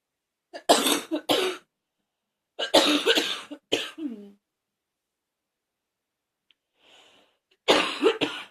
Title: #74 still coughing!